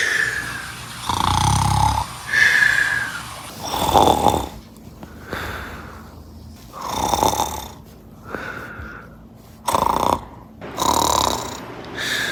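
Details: Repeated loud, rattling snores with whistling and nasal squeaks, several per breath cycle, about 25 a minute, in a quiet room; heavy snoring with snorts.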